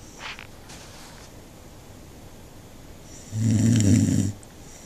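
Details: Snoring: a faint breath followed by one loud, low, rattling snore lasting about a second, heard in a quiet room.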